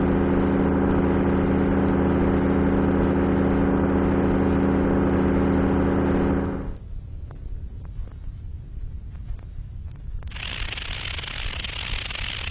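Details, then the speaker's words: Simulated tinnitus from an electronic synthesizer: steady low droning hum, then quieter rushing hiss, representing moderate to very loud tinnitus heard continually inside the head. "the loudness of the sounds varies considerably but all these patients had tinitus estimated to be moderate or very loud in intensity"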